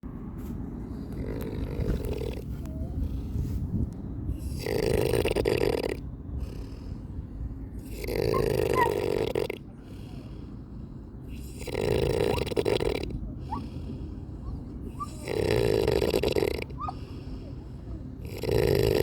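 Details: Loud, harsh, grunting snores repeating every three to four seconds, roughly 16 a minute, over steady room noise; snoring.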